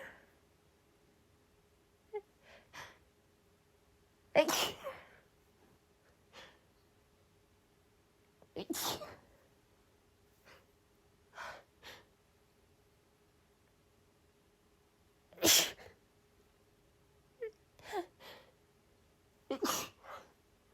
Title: increasingly desperate and rapid sneezing fit 🌼 (F)